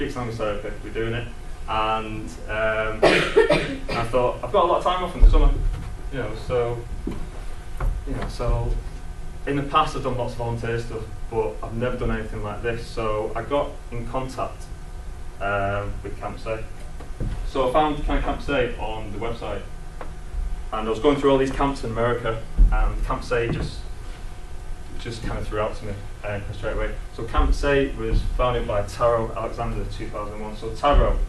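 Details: Adult male who describes himself as a person who stammers, stammering for as long as he can remember since childhood; stammering.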